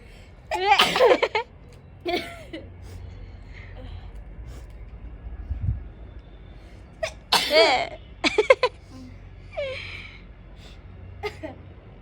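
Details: Several sharp sneezes in separate bursts, with quieter sounds and low room hum between them; repeated sneezing brought on by sneezing powder during a sneezing challenge.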